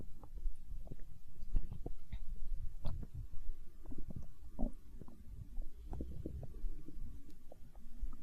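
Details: Stomach growling: soft, continuous low gurgles and rumbles with scattered bubbling pops; borborygmi.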